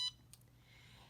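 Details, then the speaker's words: Simulated home-infusion demonstration by a registered nurse changing a PCA medication cassette on a CADD Prizm pump: a single short high prompt beep as the pump reports the cassette locked and asks to press next. "it tells me on my pump that my cassette is locked now it says press next to continue"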